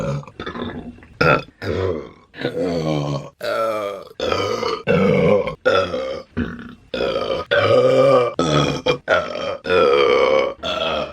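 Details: A woman burping while eating during a mukbang: a rapid string of loud, drawn-out voiced belches with brief gaps between them; repeated burping.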